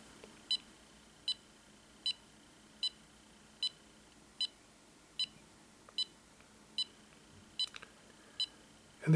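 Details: EMAY EMG-20 portable ECG monitor held in the hands for a 30-second recording: short high beeps at about 75 per minute, one per heartbeat, steady and regular; the device reported no abnormalities such as atrial fibrillation.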